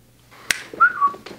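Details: Man with Tourette syndrome and schizophrenia: a sudden click followed by a brief, clear two-note whistle, a whistling vocal tic, appearing during pauses while he tries to hold tics back.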